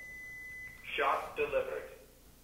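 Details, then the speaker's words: AED training demonstration, after the shock is delivered: a steady electronic tone, then the defibrillator's synthetic voice prompts "it is safe to touch the patient, begin CPR". "and now listen to what it says it is safe to touch the patient begin CPR for help with CPR begin CPR without hesitation begin CPR"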